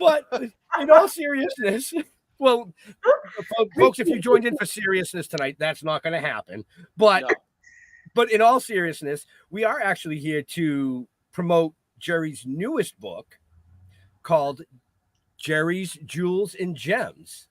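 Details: Adult speaker; normal speech.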